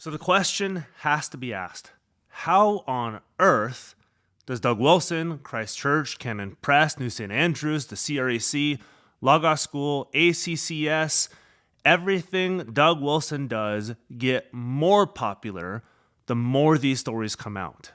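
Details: Adult man speaking; normal speech.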